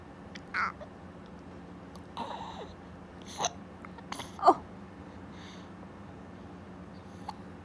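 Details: One-month-old baby boy with hiccups: several soft, abrupt little catches and squeaks over quiet room noise.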